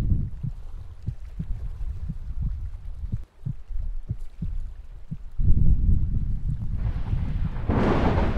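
Regular low heartbeat thumps under rain and rumbling thunder, then louder storm noise takes over.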